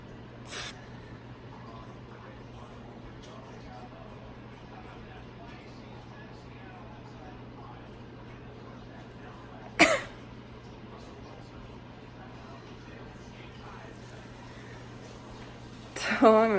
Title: Up close sneezes. Q-tip sneezes